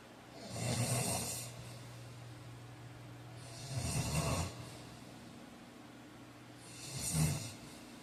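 Low, rumbling snores on each breath, about 20 a minute, with quiet room hiss between; ordinary sleep snoring.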